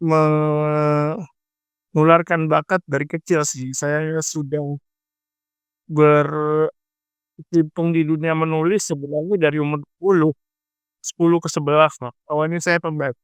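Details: Adult speaker; dysarthric speech in cerebral palsy.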